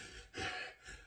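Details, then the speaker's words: Obese man on a weight-loss journey imitates the audible heavy breathing he hears between his words when not out of breath: a single loud, noisy breath. "You just hearing the obesity, you just hearing that fat on me, and I didn't never could hear it, and I asked people that don't, this is what I sound like."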